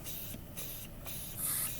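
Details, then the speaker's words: Sterile tracheostomy suctioning demonstrated in a nursing skills lab, catheter inserted about 5 inches with circular withdrawal while patient sounds junky: bursts of airy hissing as secretions are cleared. "dirty hand moves the collar sterile hand inserts the tubing about 5 in and then kind of a circular motion"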